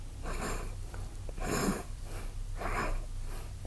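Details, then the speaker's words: Adult deliberately imitates snoring with the mouth closed, forcefully inhaling; snoring arises on inhalation, and closed-mouth snoring is nearly impossible for most: soft, airy nasal snorting noises rather than a true snore. "像这样子的话，嘴巴闭起来几乎就发不出睡觉打呼的声音那当然有些人他嘴巴闭起来还是可以模拟发出睡觉打呼的声音"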